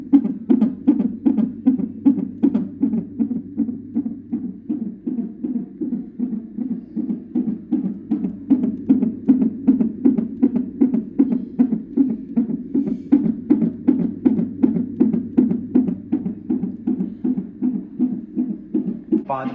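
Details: Fetal heartbeat heard through a Doppler monitor at a hospital checkup of a pregnant woman who may deliver soon: rapid, regular whooshing pulses at about 158 a minute.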